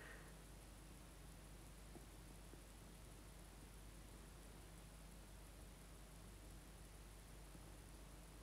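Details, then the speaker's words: Endoscopic ear microsuction in a patient with recurrent otitis externa, seen every three months, removing fully blocked ear wax and dead skin; suction tip brought in and away in the mid ear canal; steady, even hissing rush of suction. "here you can see so we're going towards the the canal trying to get a suction getting like a flick of the brush and bringing the sucker in and away"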